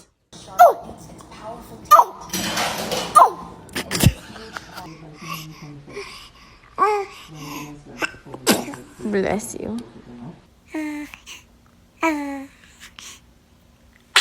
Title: Baby sneezing